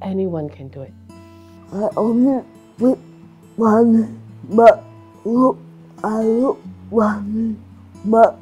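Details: Adult woman in Singapore with cerebral palsy, with slurred speech and restricted movements; dysarthria due to cerebral palsy.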